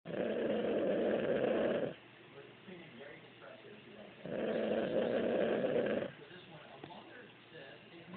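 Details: Man fallen asleep on the couch, snoring like sawing wood: two long, loud rattling breaths about four seconds apart with quiet pauses between.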